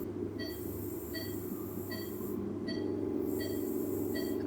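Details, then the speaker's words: Cataract surgery on an 80-year-old woman: the phacoemulsification machine runs in sculpt mode with high torsional energy to cut a small central trench, to about 70% depth, before chopping. Steady machine hum with regular tonal beeps, about 140 a minute. "so i'm using sculpt mode with a high torsional energy to create a small central trench that is being done quite easily"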